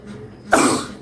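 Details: A single loud, explosive sneeze from an Indian girl after a brief intake of breath, recorded for a sneezing video challenge compilation.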